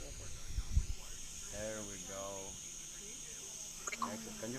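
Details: Girl with a pharyngeal flap giving complete velopharyngeal closure, though slightly low; hoarse voice from left unilateral vocal fold paralysis, attributed to prolonged intubation and/or thoracic surgery for patent ductus arteriosus repair.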